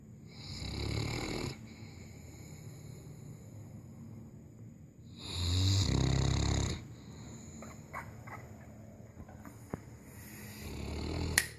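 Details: Dog napping: loud, low, rattling snores with quiet gaps between them, about three breaths captured; snoring during sleep.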